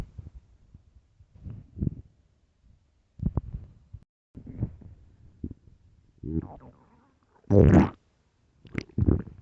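Irregular low gurgles and rumbles with quiet gaps, ordinary stomach growling.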